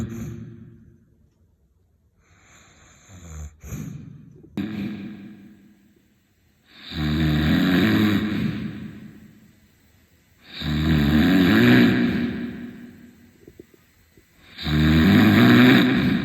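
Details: Three loud, rough, rattling inhaled snores about four seconds apart, with quieter breathing and snorts between them: heavy snoring.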